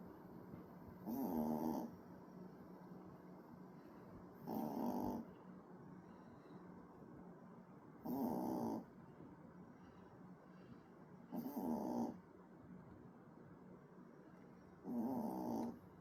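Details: Baby puppy snoring like an old man: loud, rasping snores about 17 times a minute in a quiet room.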